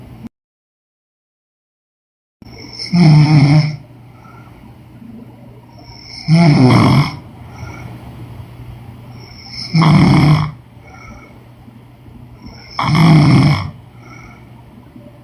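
Loud, rough, low snores about every three and a half seconds, roughly 18 a minute, over a steady background hum.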